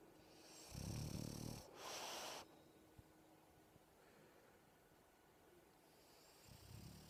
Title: RAIDA snoring snoozing on me after a walk